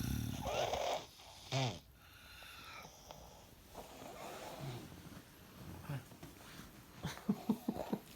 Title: Dad snoring 😴